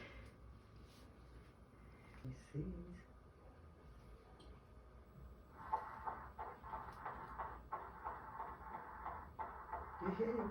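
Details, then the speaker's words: Fetal heartbeat at the first ultrasound of a second pregnancy: after quiet room noise, a fast, strong beat at roughly 180 a minute, which the parents found faster than their first child's. "says so we get to hear the heartbeat and it's super fast we were just talking about it and it sounded way faster than we remember sebastian's"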